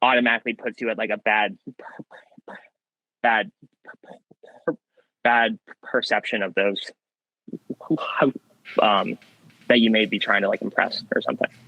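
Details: Young man who has stuttered since childhood, with a variable stutter, sometimes swapping words mid-sentence to avoid getting stuck; stuttering.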